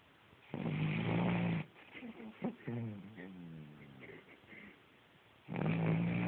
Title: Jasper Franklin the snoring Cavalier King Charles Spaniel